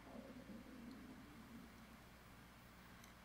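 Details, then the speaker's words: Stomach growling (borborygmi) from a hungry woman: a low, wavering gurgling rumble over steady room hiss that fades after about a second. "That's my stomach. I'm so hungry."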